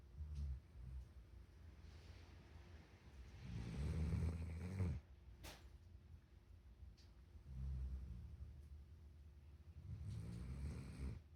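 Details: Low rumbling snores recurring about every three to four seconds, with a quiet room in between; snoring during sleep.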